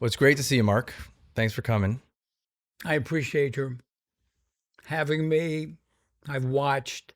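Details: Adult speakers in conversation; typical speech.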